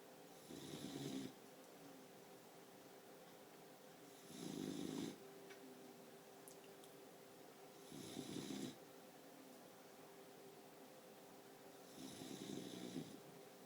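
Four regular rattling snores about every four seconds, roughly 15 breaths a minute, over a steady low room hum.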